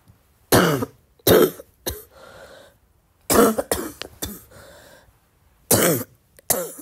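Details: Girl coughing in a short wet-cough compilation: about eight loose, rattling coughs in short bursts with gurgling breaths between, a wet, productive cough.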